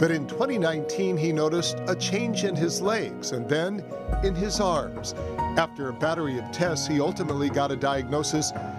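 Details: Adult male reporter narrating; Normal speech.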